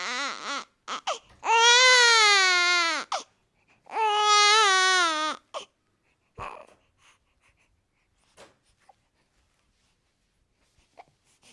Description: cute baby boy crying sounds